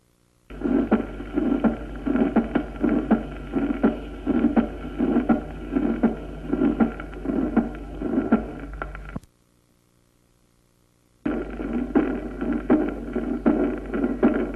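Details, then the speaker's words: Aortic stenosis with a systolic ejection murmur preceding a soft second heart sound, then aortic regurgitation with a blowing diastolic regurgitant murmur following it, both with regular heartbeats. "vamos a escucharlo primero en una estenosis aórtica precedido de un soplo sistólico de eyección y luego en una insuficiencia aórtica seguido por un soplo diastólica de timbre fluyente o soplante de regurgitación"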